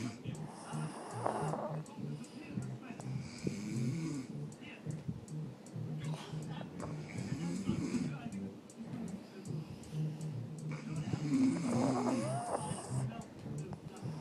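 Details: Pug sleeping: steady, irregular snorting and rattling breaths with whistling snuffles about every two seconds, loud flat-faced-dog sleep snoring.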